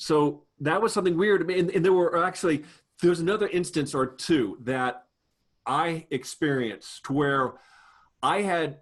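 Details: Adult man with a lifelong stutter, a person who stutters, speaking in a real conversation: stuttering.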